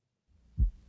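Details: Teaching recording of physiological split S2 heard on inspiration, a normal finding: brief low heart sounds with two dull thumps close together as the second heart sound splits.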